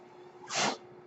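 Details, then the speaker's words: Speaker's own mechanical ventilator heard while talking on a podcast: a single soft rush of air rising and fading over a steady low hum, one ventilator breath. "Hello, everyone. That noise you're hearing is my ventilator, and welcome to Page Turners They Were Not, my Star Wars podcast."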